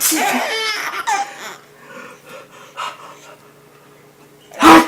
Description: Our little one laughing incessantly at her dad sneezing